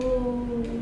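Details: Hoarse, breathy voice in an adult woman sustaining 'oo' before voice therapy; onset after thyroid surgery.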